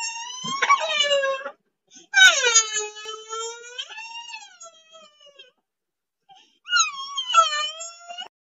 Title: SMALL BABY CRYING || Sound effect || NO COPYRGHT